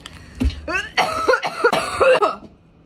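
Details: Cough after inhaling vapor from a cannabis vape device: a short run of about four or five harsh, throaty coughs in a small room.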